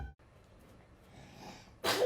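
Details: Two-year-old girl sneezing on pastry while cooking: brief quiet inhale followed by a sharp, explosive sneeze at the end.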